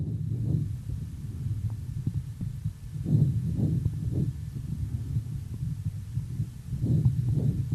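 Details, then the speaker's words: Stethoscope auscultation of the chest: saccadic (interrupted) breathing, with muffled breath sounds and each inhalation broken into two or three short jerky pulses. "давайте послушаем как звучит со кодированное дыхание"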